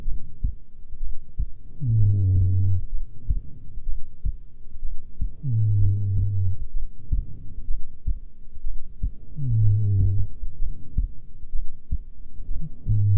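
Steady low heartbeat thumps at rest, with a recurring low humming swell in the background.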